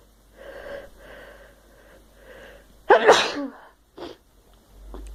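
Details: Induced sneeze using a Q-tip in an adult who suspects allergies: several quick, shuddering in-breaths build up, then one forceful sneeze and a brief sniff afterward, followed by a runny nose.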